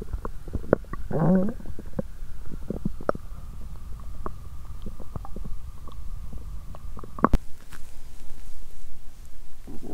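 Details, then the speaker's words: Borborygmi after exercising on an empty stomach, with nausea and a cramping feeling in the stomach and intestines: loud deep rumbling with gurgles and a brief whining squeal, with some room noise. "Lúc đó mình có cảm giác bụng và ruột như quặn lại 😫! Vì thế mà âm thanh đường tiêu hóa trở nên ồn ào! !!"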